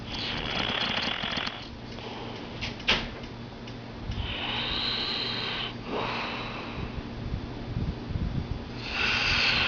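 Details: Heavy snoring from a man asleep: loud, harsh snorting breaths with a rattling noise, recurring every few seconds.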